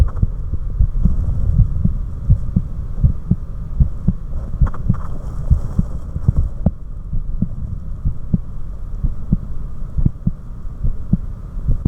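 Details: Adult's own normal resting heart sounds, from a recording that also captured carotid sinus reflex slowing: regular low thumps at roughly 95 a minute over a steady background hum.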